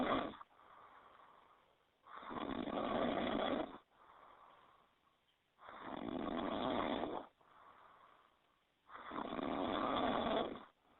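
Loud, rough snores on each breath in, with softer breaths out between, about 18 breaths a minute: animal snoring.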